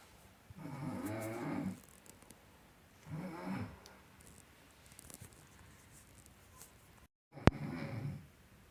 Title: SONIDO DE RONQUIDO - RONCANDO - SOUNDS